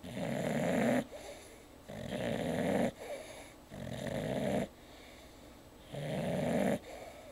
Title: Sheba Sleeping and Snoring